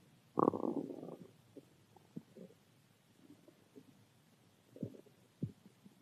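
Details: Stomach growling from hunger: a short gurgling growl followed by scattered faint pops and squelches.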